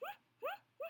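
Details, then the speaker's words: Adult with Tourette syndrome: three identical short, high, rising squeak-like vocal noises in quick succession, a repetitive simple vocal tic. "I was making so many freaking noises. It was the same stupid noise."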